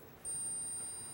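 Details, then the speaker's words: Simulated tinnitus sound created by the American Tinnitus Association: a steady, very high-pitched pure ringing tone. A man whose tinnitus began after a routine dental visit 11 years ago says it is pretty close to what he heard. "a sound created by the American Tinnitus Association, and Church says it's pretty close to what he heard."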